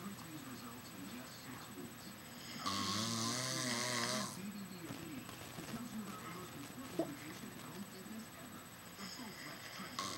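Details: Person snoring in sleep, said to have gone on for the past two hours: one loud, rough snore lasting a couple of seconds, then quieter noisy breathing with room noise.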